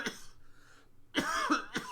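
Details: Persistent post-infectious cough from an adult who has been sick for the last couple of weeks.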